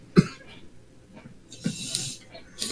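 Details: Two or three short, sharp coughs from an adult, with a breathy rushing exhale between them; a plain cough.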